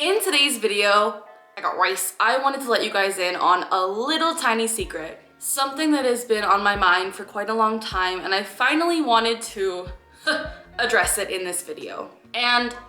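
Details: 24-year-old woman with Tourette syndrome, diagnosed 12 years ago, with motor and vocal tics; a recurring phrase vocal tic is audible; vocal tic (Tourette syndrome).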